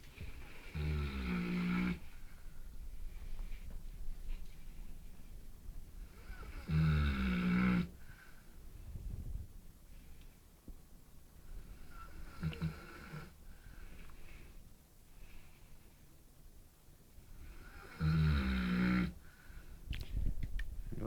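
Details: Big Neapolitan mastiff snoring, hard to wake, then woken: deep, rumbling snores at irregular intervals with quieter breathing between them.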